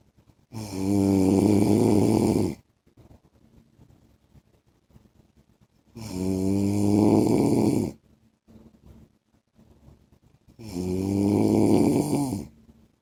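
Loud, rattling snores on each in-breath, about 12 a minute, with quiet exhalations between; heavy snoring.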